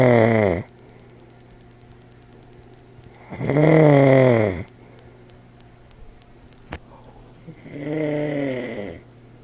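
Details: Old man snoring, recorded with an iPod speaker recorder: loud, rattling snores on each breath with quiet gaps, three snores over about nine seconds.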